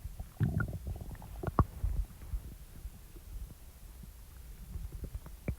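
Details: Stomach after eating: low gurgling rumbles, a louder growl early and then softer intermittent gurgles; ordinary bowel sounds (borborygmi).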